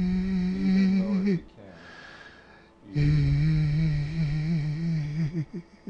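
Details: Abductor spasmodic dysphonia: an abductory spasm pulls the vocal cords apart during voicing, dropping the voice to a whisper.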